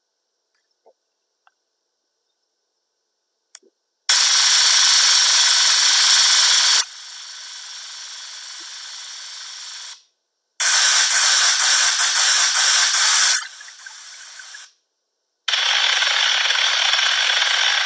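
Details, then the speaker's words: Simulated tinnitus played in a lecture: a steady high-pitched ringing tone, then several bursts of continuous hissing and rushing noise, showing how tinnitus can sound. "it's this continuous ringing or noise perception that happens in the ear sometimes when it's mild they can go unnoticed during the day"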